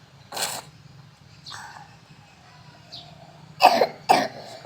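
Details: Person with a cough who is being treated by drinking bitter melon (pare) leaf preparation; three short harsh coughs with quieter throaty sounds between, over a low background hum.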